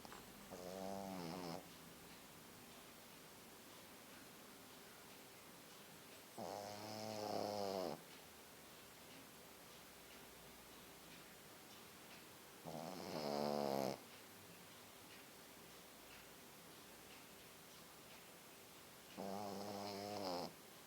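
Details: Small white Pekingese dog snoring: slow, tonal, buzzing snores about every six seconds, roughly 10 a minute, with quiet gaps between breaths.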